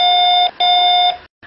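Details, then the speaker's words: Second hospital bed safety alarm in an elderly-care staff and patient education demonstration: two loud, high, steady electronic tones, each about half a second long, a bed exit alarm. "this bed comes with a bed alarm that sounds and goes to the nurses station and to ensure your safety we have a second alarm that sounds like"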